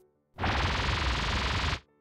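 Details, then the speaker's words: Simulated tinnitus: about one and a half seconds of steady, dense hissing noise, one way tinnitus can sound. "tinnitus is noises in the head that no one else can hear nobody else but you you can hear the noise because does not come from any external source tinnitus can sound like this"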